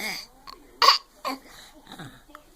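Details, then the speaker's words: An infant gives two short, deliberate cough bursts, a playful voluntary fake cough rather than an illness cough. "that was such a fake cough you faker you faker"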